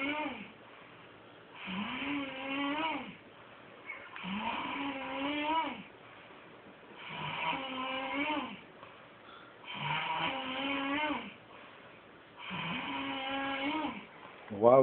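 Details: Snoring in a man asleep on a couch: loud, rattling snores on each breath in, about every 2.7 seconds, roughly 22 a minute, with quiet breaths out.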